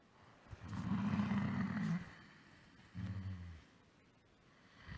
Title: Snore breakdown01